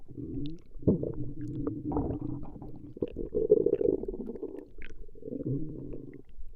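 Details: Recording of a woman's stomach growling: continuous low rumbling and gurgling from the belly as gas and fluid move through the gut; ordinary borborygmi.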